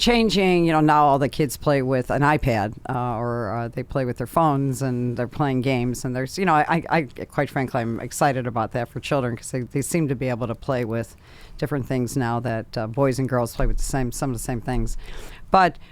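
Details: Adult speaker; normal conversational speech.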